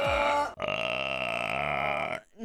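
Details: Burp compilation clip: a short sound, then one long, loud, steady voiced belch of about 1.6 seconds, followed by an apology, with background music.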